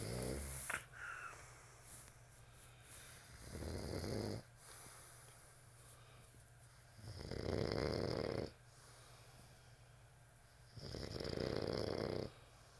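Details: Ordinary snoring during sleep: loud, rough snores on each breath in, about every four seconds (roughly 15 a minute), with quiet breathing between them.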